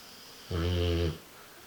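A single loud, low, buzzing snore lasting under a second against quiet room noise; snoring.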